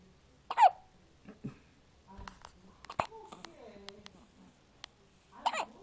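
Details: Infant, one of twin boys, hiccuping: two sharp, high-pitched hiccup squeaks about five seconds apart, with soft baby sounds between.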